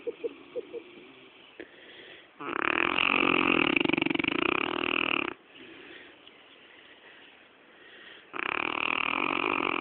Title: saint bernard honey having a cuddle while snoring her head off